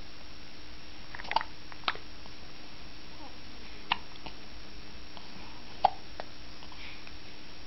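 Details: Hiccups: four brief, sharp hiccup clicks at irregular spacing over several seconds in a quiet room.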